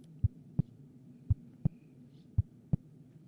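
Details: Heartbeat heard through a homemade stethoscope (balloon-covered funnel on the chest over the heart, hose to a funnel at the ear): regular low lub-dub thumps, about 56 beats a minute, over a faint hum; ordinary heartbeat.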